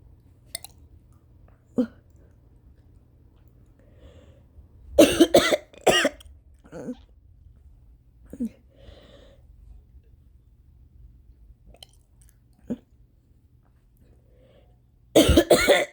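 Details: At 4:30 AM after a sleepless night, allergy flare in rain: scattered throat sounds and breaths, then loud harsh clustered mostly uncovered coughs with gagging over room hum; violent coughing fit.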